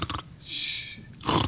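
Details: A male talk-show guest imitates his own loud snoring, with rough, snorting bursts around a long hissing breath; his wife kicked him out over it, and he is to be tested at a sleep center for possible sleep apnea.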